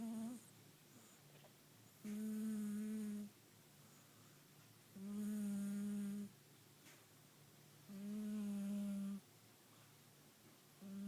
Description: Our 15 week old Bengal kitten snoring whilst asleep.